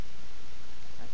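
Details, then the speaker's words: Young boy with croup, coughing on request: low, hoarse, honking, bray-like seal-bark cough. "There's that bark. The seal barking. Poor [Applause] kid. Good thing you're having fun with your cough."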